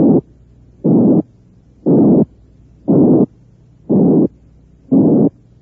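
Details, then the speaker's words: Synthesized harsh murmur from a frequency band of 180 to 460 cycles: noisy bursts repeating about 59 times a minute, the harsh murmur associated with aortic and pulmonary stenosis. "si tomamos una banda comprendida entre 180 y 460 ciclos obtenemos el soplo áspero que asociamos con la estenosis aórtica y pulmonar"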